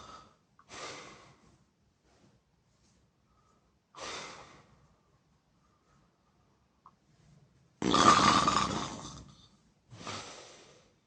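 Harsh, breathy snorting snores come at uneven intervals, one much louder and rougher than the rest. Noisy snoring during sleep.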